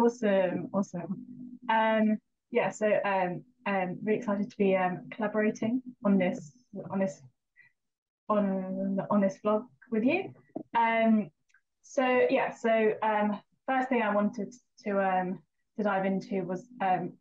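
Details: Stammering (stuttering), real, in a female vlogger with a stammer who had speech therapy in primary school from ages 10 to 12.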